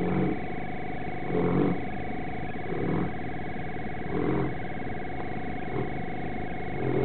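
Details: Mastino dog napping in the backyard, snoring.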